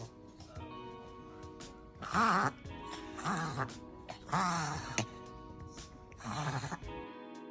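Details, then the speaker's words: A dog coughing: four harsh, honking cough bursts over background music, typical of kennel cough. "ناس كتير بتيجي تشتكي ان الكلاب بتاعتها بتبدا تكح او بيبقى في سعال"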